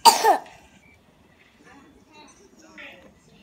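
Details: A single loud cough burst from a child, followed by quiet room sounds and faint voices.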